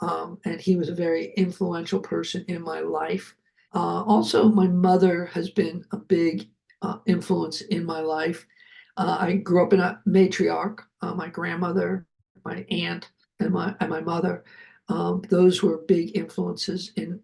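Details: Adult man, a heart attack and aphasia survivor who keeps working as a producer, speaking with aphasia.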